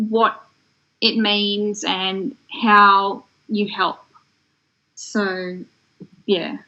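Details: Adult woman from Australia with aphasia that developed after a stroke in 2016 at age 33: aphasia.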